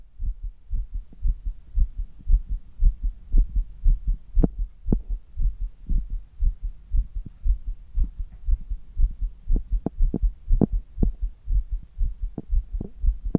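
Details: Adult man's heartbeat during handstand push-ups: a fast, strong, regular beat of about 118 a minute with low thudding sounds; rapid, forceful heartbeat during exertion.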